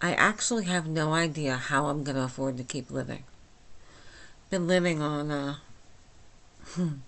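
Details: Adult woman with myasthenia gravis since age 8, with talking and swallowing problems, speaking without her speech appliance, understandable but not perfectly: myasthenic dysarthria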